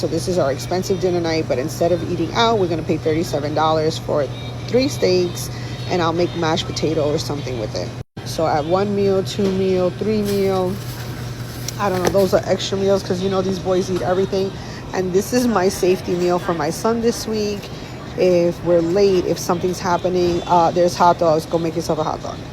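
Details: Adult woman speaking; normal voice.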